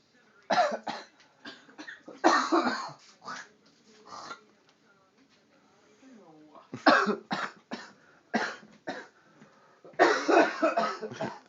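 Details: Adult with bronchitis in a coughing fit of harsh bursts in clusters, a persistent cough.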